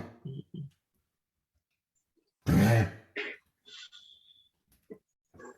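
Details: Several harsh, forceful cough bursts from a dog, one loud and prolonged, with quiet gaps between; a severe cough in respiratory disease, discussed alongside bronchitis and airway narrowing limiting oxygen intake.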